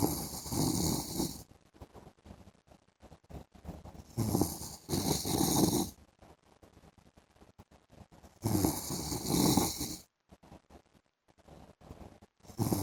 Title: PART 2 MY HUSBAND'S SNORING SOUND IN THE AFTERNOON